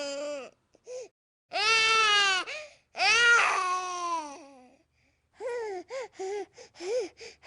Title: Baby Crying Sounds